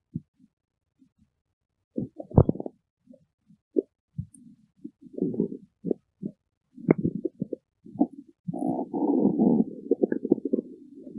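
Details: Irregular gurgling and rumbling bursts with gaps, building to a longer rolling growl near the end; ordinary stomach growling (borborygmi).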